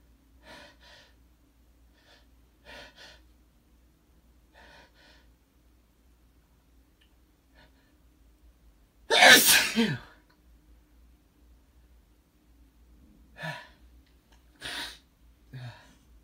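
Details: Gasping before sneezes in an adult male in the morning: several quick catching gasps build to one loud, wet sneeze, followed by further hitching breaths and smaller sneezes.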